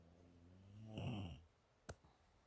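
One low, rumbling snore on an in-breath, then quiet and a brief soft click; typical snoring.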